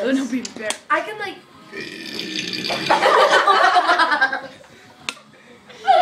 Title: Kid burping abc's